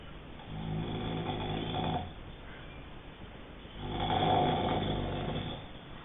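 Two long, rough, rattling snores on slow breaths in, with quiet breathing out between them.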